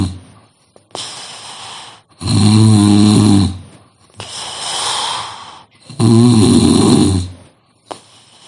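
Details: Loud, deep, rattling snores on each breath in, with softer hissing breaths out, about 16 breaths a minute; heavy snoring described as most frightening.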